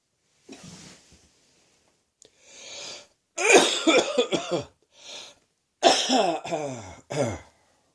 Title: Heavy cold and sore throat coughing 2